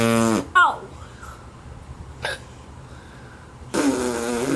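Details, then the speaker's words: Young child hiccuping for a long time after drinking milk: a child's voice, then abrupt, short, squeaky catches in the breath about two seconds apart over quiet room noise. "your hiccups pretty cute"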